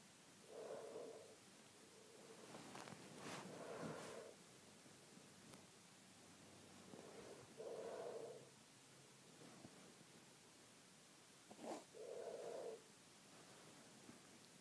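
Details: A sleeping cat's soft, rhythmic snoring, about 14 breaths a minute, over a steady background hiss.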